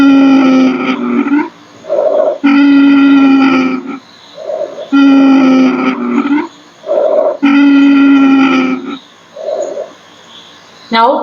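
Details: Nursing exam crash-course demonstration of lung sounds: loud musical whistling fills each long breath out, with quieter breaths in between: expiratory wheeze.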